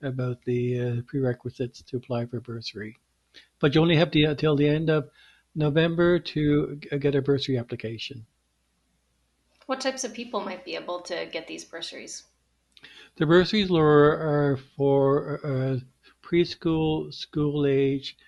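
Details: Stuttering in an adult man who stutters and is also a speech-language pathologist, speaking in a podcast interview, with word repetitions heard such as "I I", "some some" and "wouldn't wouldn't".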